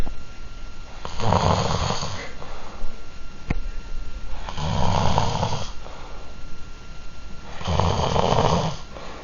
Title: Extracts of snoring of men all named on a decoration of a residence.